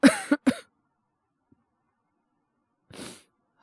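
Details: Acted cough by male voice actor in a Japanese situation voice drama, boyfriend with a cold crying after a movie: two quick harsh coughs, then silence and a breathy exhale.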